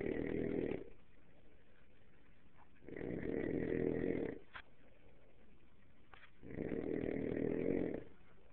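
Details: Silo: slow, rhythmic, low rattling snores on each breath in, about three in eight seconds, with quiet pauses between; snoring.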